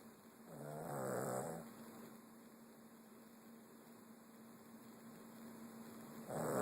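A single rattling, vibrating snore on the in-breath, then a quiet pause and the next snore starting, over a steady electrical hum.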